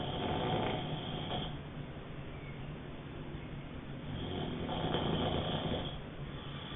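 Rough, rumbling breathing noise that swells and fades with the breath during sleep, in a small room; snoring.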